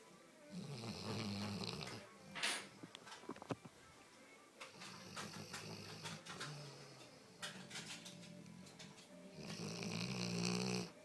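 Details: Loud, rasping, repeated snores from a scene in the film Marley and Me, heard over music and scattered noises; snoring.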